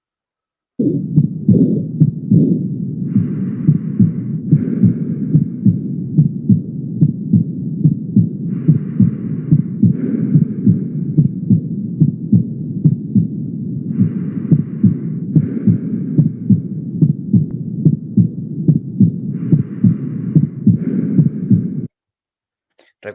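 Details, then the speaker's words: Regular heartbeat at about 72 a minute with a soft blowing diastolic sound after the second sound. It is heard at the aortic focus and is louder at Erb's point: an aortic regurgitation murmur. "entonces tanto en el foco aórtico como en el foco de er ambos registran mejor la válvula aórtica por eso notaron que aumentó la intensidad del soplo en este lugar sí"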